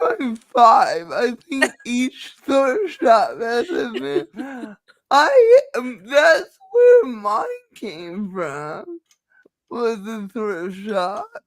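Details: Dysarthria in a woman who states she has cerebral palsy and that nothing can be done about it; finding: dysarthria (cerebral palsy).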